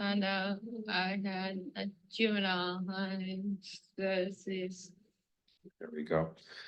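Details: Woman with hyperkinetic dysarthria and involuntary movements such as lurching back; hyperkinetic dysarthria.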